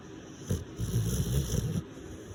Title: Shhhh my dog is sleeping! #sleep #snoring #shhhhh #dog